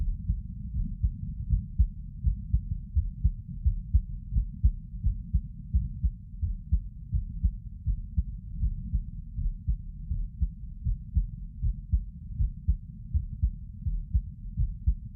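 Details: Normal heart sounds from an adult sitting at rest: steady low heart thumps, about 85 a minute.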